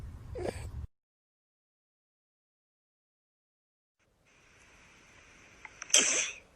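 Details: Clip from a TikTok sneeze compilation: two short sneeze bursts separated by silence, the second sharp and explosive; ordinary sneezing.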